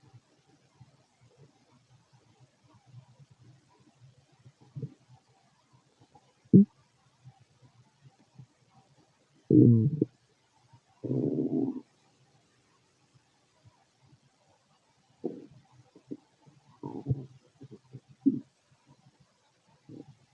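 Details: Irregular low gurgles and rumbles from an adult male's stomach while digesting food: ordinary bowel sounds (borborygmi).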